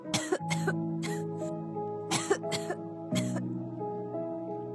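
An adult gives a run of harsh, acted coughs in clustered bursts with throat clearing, over steady background music; a cough.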